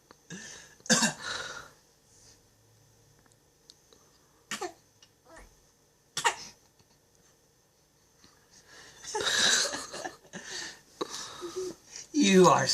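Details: A 4½-month-old infant gives several short, breathy cough-like bursts, deliberately imitating daddy's cough: a voluntary fake cough rather than an illness cough.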